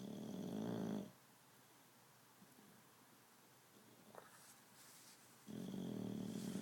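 Two rough, fluttering snores separated by a quiet pause of several seconds, with faint background noise. Snoring.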